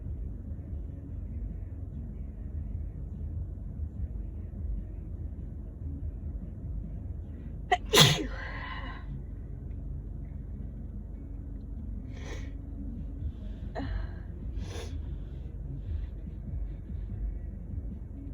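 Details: Adult with a cold on about day 3 or 4, also coughing and blowing nose: one loud sharp sneeze with a short inhaled catch, then a few softer sneezes or sniffs over steady room hum.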